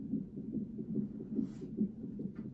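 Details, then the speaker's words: Fetal heartbeat of a baby girl on a monitor at 33 weeks 6 days in an IVF pregnancy with preeclampsia, mother to be induced that night: rapid, regular whooshing pulses, about 145 beats a minute. "you can hear the baby on the monitor her heartbeat we are excited and a little sad because i am 33 day 33 weeks and six days today"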